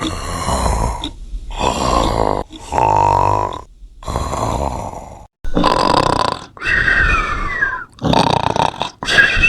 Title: Endless Monsters Snoring Compilation